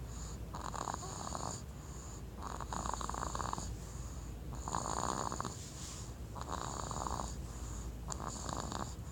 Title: Baby Snores